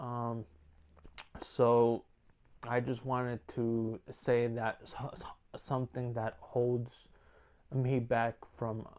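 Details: Male speaker with stuttering, working on it day by day, worse when uneasy, sometimes severe enough to stop making videos; stuttering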